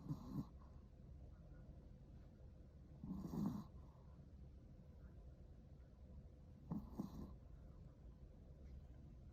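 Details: Soft, rough snoring breaths about every three and a half seconds over a steady low room hum, likely from a sleeping dog; snoring.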